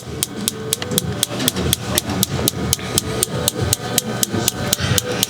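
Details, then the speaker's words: Focused shockwave therapy device firing on the tight calf of an adult woman golfer and new runner during chiropractic treatment: rapid sharp snapping pulses, about four per second, over a low rumble. "but a lot of the treatment with the focus shock wave and the radial shock wave is more kind of spot oriented so we find those spots of inflammation"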